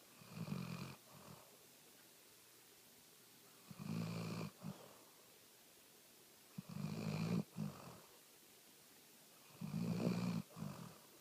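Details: Four low rumbling snores, each with a short follow-on rattle, about every three seconds, roughly 20 breaths a minute, in a quiet room, from a speckled hound: snoring.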